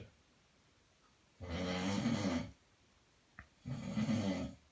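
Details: Person snoring loudly in sleep: two rough, rattling breath sounds about two seconds apart with quiet gaps between.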